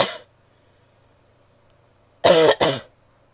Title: coughing (f)